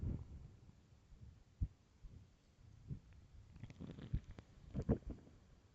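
Low gurgles and rumbles with short pops, quiet overall. Stomach growling on an empty stomach, a normal bowel sound.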